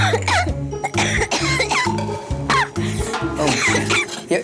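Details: Waitress coughing fit after tasting garlic-heavy food: repeated harsh coughs with throat clearing and groaning over background music.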